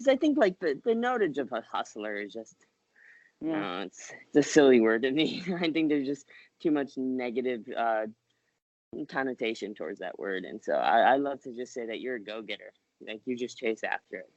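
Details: Adult woman with cerebral palsy speaking in a podcast interview; speech in cerebral palsy (dysarthria).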